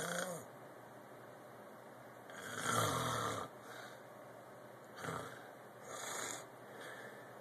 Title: Snore some more